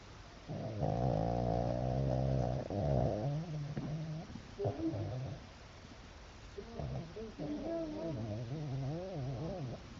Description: My dog snoring pretty loud sorry that you can't see her it was dark.